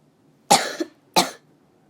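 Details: Two sharp coughs from someone who is sick, each an abrupt burst with a brief trailing tail, in a quiet room.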